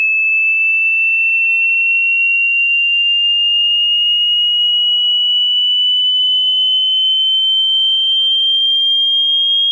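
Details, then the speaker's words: A steady pure tone gliding slowly upward in pitch: an online hearing test frequency sweep, starting at 80 Hz and rising to 18 kHz. "the test will start at 80 Hertz and will slowly increase all the way up to 18 kilohertz"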